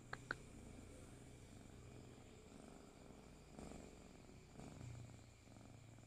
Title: KUCING TIDUR MENDENGKUR #shorts